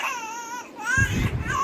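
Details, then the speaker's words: 5-month-old boy, exclusively breastfed, held on lap at mealtime, starts crying to sleep: brief fussy cry with rising and falling wails; ordinary sleepy infant cry. "और थोड़ी देर बाद यह फिर से रोने लग गया सोने के लिए तो मैंने बीच में खाना छोड़ा"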